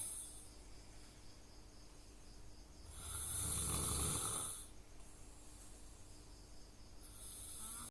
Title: Snoring sound